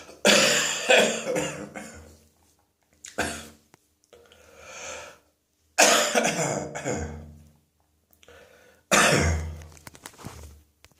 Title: Wet Throat Infection Cough